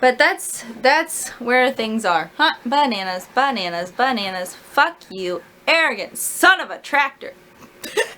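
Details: Vocal tics in an adult woman with self-described Tourette's-like tics, undiagnosed; repeated word tics and obscene phrases interrupt her speech.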